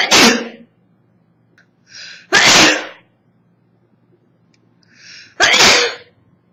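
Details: A 24-year-old woman with summer allergies, recorded on an old phone that distorts the sound: three loud sneezes, each preceded by a short indrawn breath, in a quiet room; allergic sneezing.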